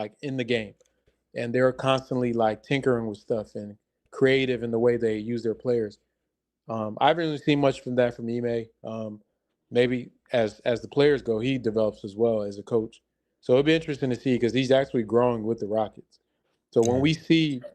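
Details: Adult male speaker; normal speech.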